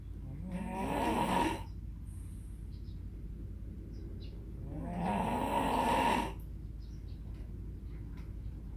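Two long, rattling inhaled snores about five seconds apart, with quiet breathing between them, over steady room hum.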